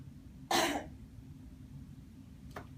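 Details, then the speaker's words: Simulated physical exam of a congestive heart failure patient with high blood pressure and respiratory rate, asked to cough for an ordered sputum sample: one forceful voluntary cough, then a faint second short sound. "so in order for us to do that we do need you to clear out your throat take a deep cough and cough up as much speedum as you can into this cup do"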